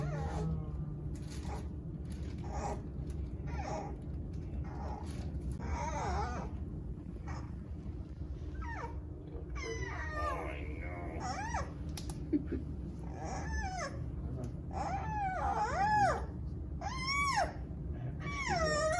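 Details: High, rising and falling squeals and squawks over a steady low room rumble from a 29-day-old giant panda cub during its first veterinary exam, including a mouth swab; normal cub vocalization.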